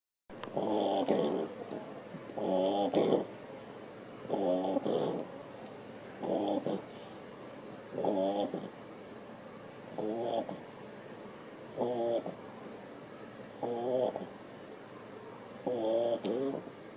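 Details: A sleeping dog snoring during the first 20 seconds, before waking and having reverse-sneezing episodes: steady, rattling snores about every two seconds, roughly 30 per minute.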